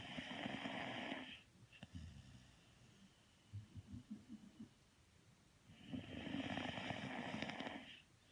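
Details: Sleeping: two loud, rattling snores several seconds apart, with quieter breathing noise between them; snoring during sleep.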